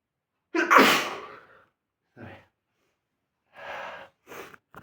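One loud explosive sneeze with a sharp intake before it, followed by a few softer short noises.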